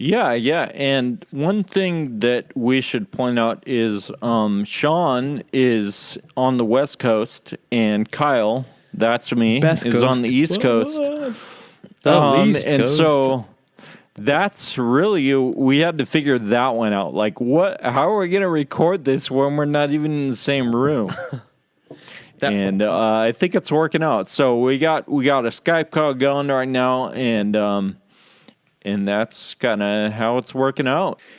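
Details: Real male patient with Friedreich's ataxia, affecting muscle coordination including speech muscles and causing slurred speech; ataxic dysarthria.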